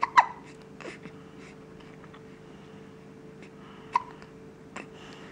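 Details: Hiccups occurring about three times a day: sharp, brief involuntary catches in the throat, about three in five seconds, over a quiet room hum.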